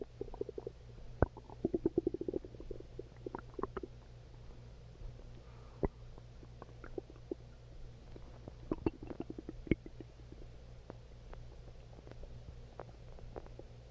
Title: Calming Stomach Growling